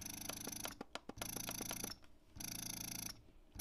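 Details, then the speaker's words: Electric breast pump with its cycle speed turned all the way up from 38, giving a quick suck. A rapid repeating mechanical whir with clicks, about one cycle a second: the fast cycle setting. "a quick suck so you can you know what you have to play with this just see what works best for your body"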